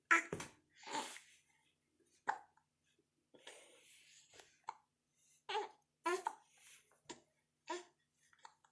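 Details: Infant with repeated short, sharp hiccups between contented, happy babbling in a quiet room.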